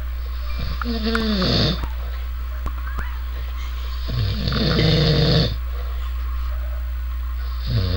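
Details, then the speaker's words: Man asleep on a couch snoring very loudly: loud, rough, fluttering breaths about every three to four seconds over a steady low hum. "You're snoring! Wake up! Okay."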